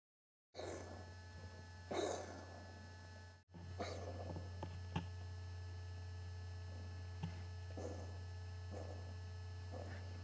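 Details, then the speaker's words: A cat with a recurring, undiagnosed wheezing cough, in an episode milder and shorter than usual: a run of short, breathy, hacking bursts over a steady low electrical hum; wheezing cough episode. "That coughing, wheezing episode that you saw is typical, except that was a bit milder than what her normal ones are and also a bit shorter."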